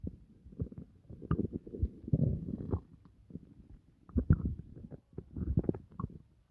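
Low gurgling and bubbling rumbles come in irregular bursts with brief pauses between them: ordinary stomach growling after a meal.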